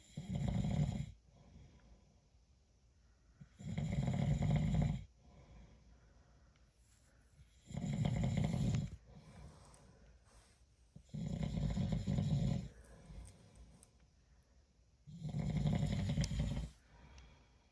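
Five rough, low-pitched snores spaced about every 3.5 seconds, roughly 17 breaths a minute, with quiet exhalations between them; ordinary snoring.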